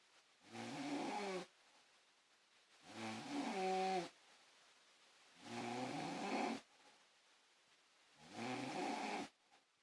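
Four loud, rattling snores with quiet gaps between them, at about 23 a minute: ordinary snoring.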